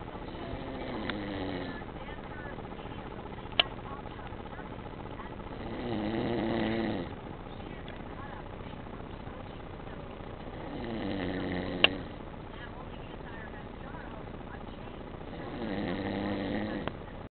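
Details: Slow, low, loud rumbling snores about every five seconds over steady background noise, from a man in deep sleep on a couch: snoring.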